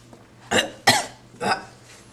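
Three short, dry cough bursts from an adult in an acted scene, evenly spaced in a quiet room.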